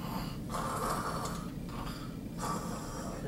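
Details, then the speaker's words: Acted wet, rattling, snoring-like breaths from a simulated male patient with aspiration pneumonia and prior stroke, congested, respiratory rate 22, SpO2 89% on 2 L nasal cannula, before nasotracheal suctioning: rhonchi. "I get here he's got a lot of bronchi yeah I see Kleenexes and stuff all over okay"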